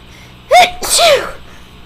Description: I have HORRIBLE allergies because of the new place I just moved into (3 cats), but my sneezes were stuck...so I had to induce with pepper.